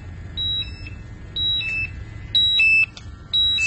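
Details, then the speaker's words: Repeated high two-tone electronic beeping, about once a second, over low background rumble: an air quality monitor's alarm for hazardous low oxygen as its hose samples air under a worn face mask (versus 20.5% without mask). "you can hear the alarm going off that means that there is a hazardous atmosphere and we'll see what the uh levels are"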